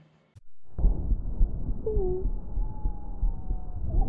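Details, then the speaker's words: Stethoscope chest auscultation teaching example: musical whistling tones over breath noise, wheezes from narrowed airways. "las sibilancias se escuchan de esta manera"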